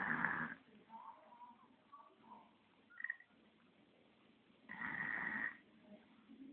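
Two harsh, rattly snores about five seconds apart, with soft breathing sounds between, from a sleeping baby; infant snoring.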